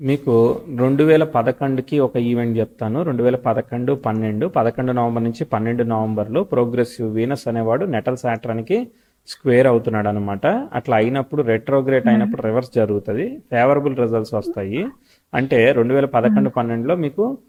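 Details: Adult male speaker; No speech disorder.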